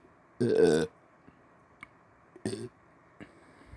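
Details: Two short, deep belches, the first louder and longer, in a quiet room; voluntary burping on command after brushing teeth.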